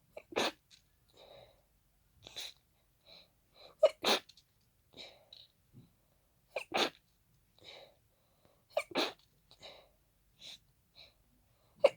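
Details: Hay fever sneezing fit triggered by pollen: about five sharp, congested sneezes in fast succession into tissues, with snuffly sniffs and breaths between them.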